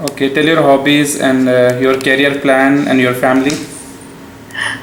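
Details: Adult male speaker; normal speech.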